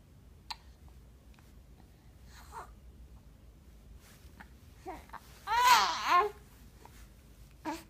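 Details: Young child gives several brief, sharp hiccup catches every two to three seconds, about 25 a minute, with one short babbling sound between; the finding is hiccups.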